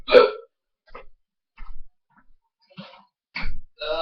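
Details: A man with persistent loud hiccups lasting about six minutes, still going after trying a mouthful of peanut butter: repeated short, sharp, voiced gulping catches at irregular intervals, about five in four seconds.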